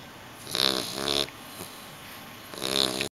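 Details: Two loud, rough snorts close together, a pause, then a third, with a steady hum in the background. Snoring.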